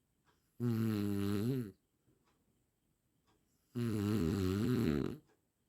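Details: Two loud, droning, buzzing snores about three seconds apart with quiet pauses between; from an 8-minute snoring sound-effect recording.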